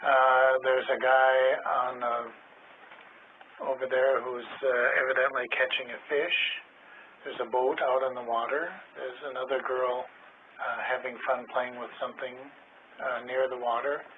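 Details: 52-year-old man with semantic variant primary progressive aphasia describing a picture in fluent, complete sentences using vague terms; semantic variant primary progressive aphasia.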